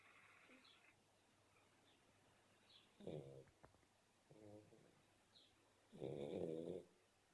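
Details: Sleeping black Shar Pei puppy: soft, uneven snorting breaths, the last one louder and rougher, in a quiet room; snoring.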